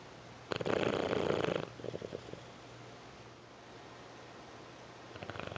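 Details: Roy, who sleeps about 18 hours a day, asleep: one loud, rough, rattling breath lasting about a second, then a fainter fluttering breath; snoring.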